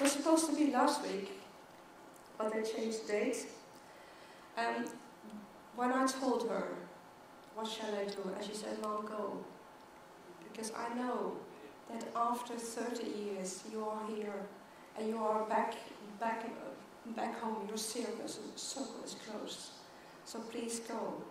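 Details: Stuttering in an adult woman who began stuttering at age 9, giving a keynote speech at a world congress for people who stutter.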